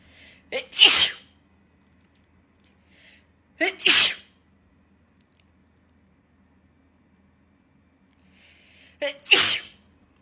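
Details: Three sharp, forceful sneezes, each preceded by a brief intake of breath; reflex sneezing set off by a COVID-19 nasal swab test.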